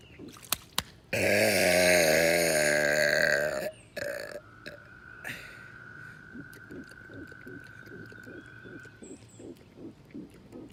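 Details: Man burping deliberately at frogs as though making a mating call: one long, loud, gurgling belch lasting over two seconds, then a steady outdoor chorus of frog calls.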